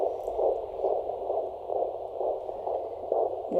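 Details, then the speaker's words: Midwife's handheld Doppler on a pregnant woman's abdomen, baby head down: rapid, regular whooshing pulses about 133 per minute; normal, reassuring fetal heartbeat. "See if we can find this little heartbeat. [Music] There it is. Sounds good."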